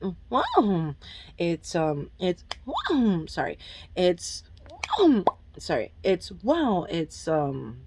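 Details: Adult woman with Tourette syndrome, currently off her medication, with involuntary interjections such as "whoa" and "oh" while speaking: vocal tics (Tourette syndrome).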